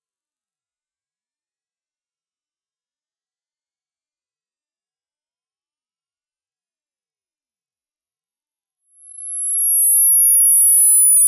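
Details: Online hearing test over headphones, right ear: a steady pure tone gliding downward from very high pitch to find the highest audible frequency; tones above 18 kHz altered by compression; hearing test tone sweep.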